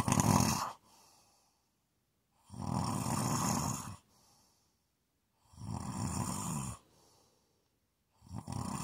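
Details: ASMR snoring: loud rattling snores on each breath in, with quiet breaths out, about 25 cycles a minute; heavy snoring.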